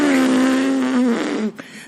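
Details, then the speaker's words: Former nurse with sudden one-sided facial weakness, drooping eyebrow, inability to smile and abnormal tongue, suspecting Bell's palsy or stroke, tries to close lips and puff cheeks: buzzing, flapping sound of air escaping through a weak lip seal. "When I try and close my lips together and blow my cheeks up, this is what I sound like."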